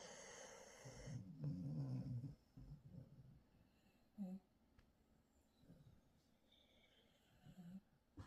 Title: A very snore-y morning 🐾